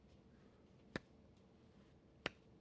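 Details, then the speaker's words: Hand-clap imitation of the soft S2 in aortic stenosis: the stenotic valve closing halfway gives a quieter, softer, possibly absent second sound. "Now if they have aortic stenosis because we're quiet we're closer together a quieter sound and that's why S2 drops because you're already stenotic."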